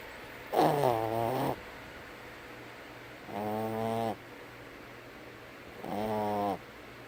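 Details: Three loud buzzing snores, each under a second, spaced about 2.5 seconds apart; snoring.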